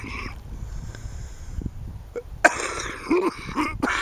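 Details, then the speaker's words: Adult coughing a few short, harsh bursts outdoors at sunset on a mountain, over light background noise, during a "420" session: an ordinary cough. "happy 4 20 y'all of course my cough"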